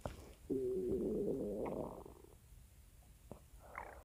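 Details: Stomach growling (borborygmi) picked up by a microphone, with the audio processed in a Weatheradio Canada CRS style.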